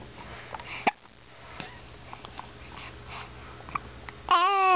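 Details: Baby with hiccups: short, sharp catches recurring among soft infant noises, ending with the baby starting to cry.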